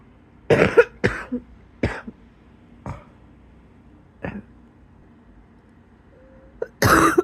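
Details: Wheezy cough in bed just before getting up.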